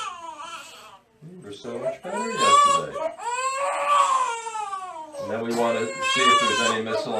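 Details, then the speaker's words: 2-month-old (nine-week-old) girl with colic, crying about 90% of each day for two months, reflux medication unhelpful; loud, sustained wailing cry in rising and falling bursts during a chiropractic adjustment: infant colic crying. "she's been collicky and crying like 90% of the time"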